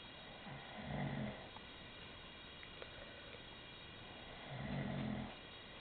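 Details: Adult man (husband) asleep, who claims he does not snore: two low, rumbling snores about four seconds apart, about 14 breaths a minute, against steady room noise; snoring.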